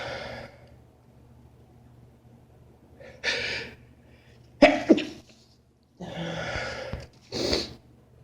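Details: Adult male having a sneezing fit at work: several sharp sneezes in close succession, each preceded by a quick intake of breath, in a quiet room; sneezing.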